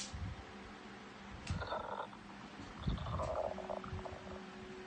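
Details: Low, bubbling gurgles and rumbles coming and going irregularly after 15 hours without food; stomach growling (borborygmi) of an empty stomach.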